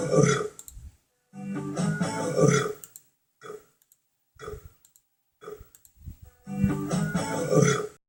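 Several low, rumbling voiced bursts with pauses between, fitting repeated burps, over faint background music.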